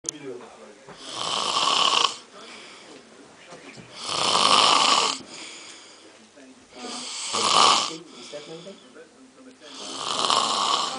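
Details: Loud, harsh snores on each breath, about 20 a minute, with quieter rasping breaths between them; snoring.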